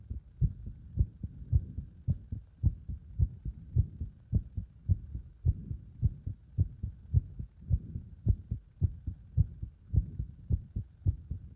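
Steady, strong low thumps at about 107 beats a minute; heart beating quickly under exercise load.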